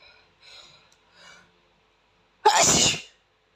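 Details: An Asian boy with a sensitive nose, whose nose is tickled with a tissue as he tries not to sneeze: a few soft sniffs and catches of breath, then one loud explosive sneeze.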